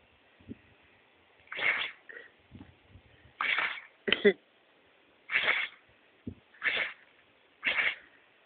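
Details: Dog sneezing: about six short, sharp nasal bursts spaced a second or so apart, with faint snuffles between.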